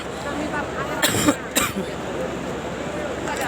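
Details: Hajj pilgrim in 2023, outdoors in hot weather walking to the stoning ritual at Jamarat, with cough amid declining health: two short dry cough bursts over steady crowd and street noise; cough.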